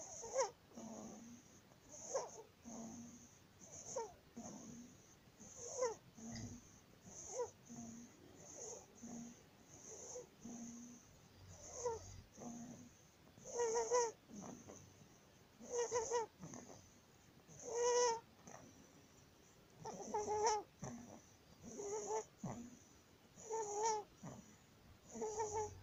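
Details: 19-day-old baby with laryngomalacia: high, squeaky, crowing inspiratory stridor on each breath in.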